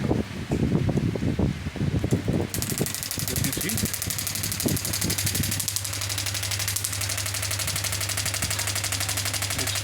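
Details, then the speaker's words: Steady rapid mechanical rattle of pneumatic pulses at 12 per second from a 10-bar pneumatic radial shockwave therapy device running a knee program at 3 bar energy, after handling noise; radial shockwave device firing. "The device is ready. When I will press the same, it will start giving shockwave."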